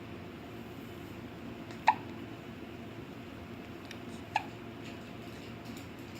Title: has the hiccups